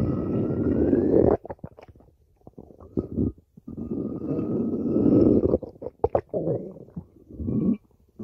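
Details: Stomach growling (borborygmi): long, loud, low gurgling growls with bubbly pops between them.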